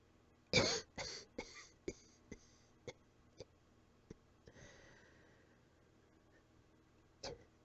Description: Coughing soft and weak, a little out of breath